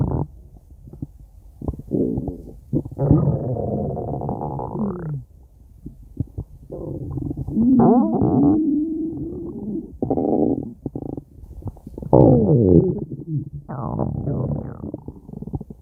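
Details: Stomach growling (borborygmi): loud, drawn-out gurgling and rumbling with squeaky rising and falling tones and short pops.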